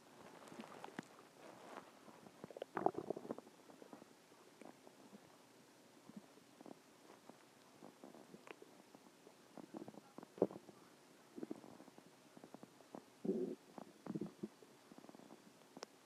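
Intermittent gurgling and rumbling bursts in a quiet room; ordinary stomach growling from gas and fluid moving through the gut.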